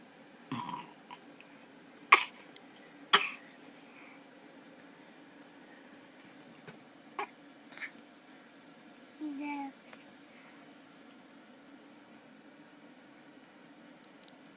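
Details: A baby burping while babbling: a few short, abrupt burps among soft babbling sounds over quiet room noise.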